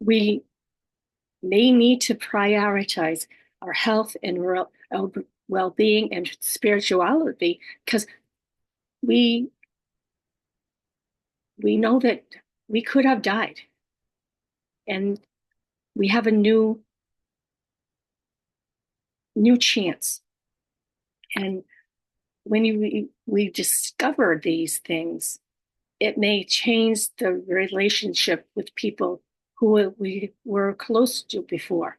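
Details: Woman stroke survivor living with aphasia, apraxia of speech and dysarthria; aphasia / apraxia of speech after stroke.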